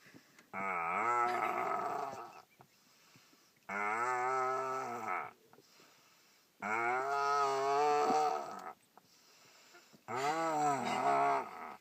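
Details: Boy snoring: loud, drawn-out, deep-toned snores with a lowing, cow-like quality, about four in twelve seconds with quiet pauses; snoring.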